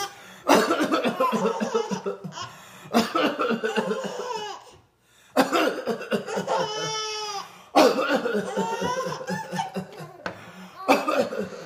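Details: An adult man (dad) coughs while his 5-month-old twin babies laugh: cough.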